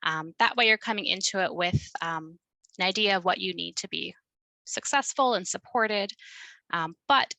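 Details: Stuttering in an adult who identifies as a person who stutters, asking a question during a workplace-focused webinar.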